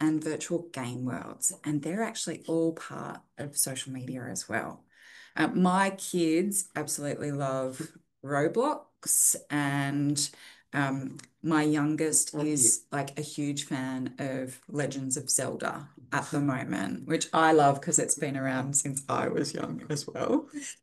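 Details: Adult woman speaking; Normal adult speech.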